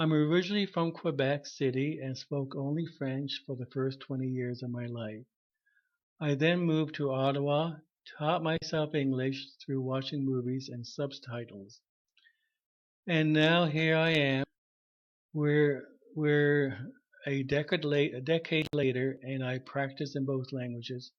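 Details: 33-year-old bilingual French/English woman, a speech-language pathologist identified as a person who clutters at age 25, speaking in conversation; cluttering.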